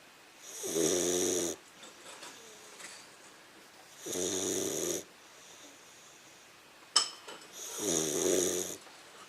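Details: A 15-week-old English Mastiff puppy asleep, with three rattling, whistling snores on breathing in, about 17 a minute, and quiet pauses between; snoring.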